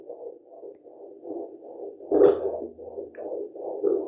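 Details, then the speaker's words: Pregnant woman at home using a handheld Blue Echo Care fetal Doppler with ultrasound gel on her lower belly: rapid, regular whooshing fetal heartbeat around 151 bpm, fluctuating when the baby moves or kicks. "There's my baby's heart rate at 151. And those fluctuations are when the baby moves or kicks cuz I can feel the difference."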